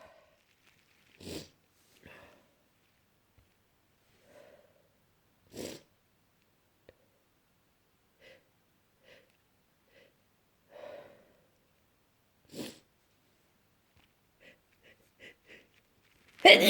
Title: Desperate itchy cold sneezes